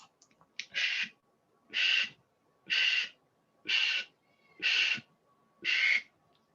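Vocal imitation of a holosystolic murmur: six even, blowing whooshes, about 60 a minute.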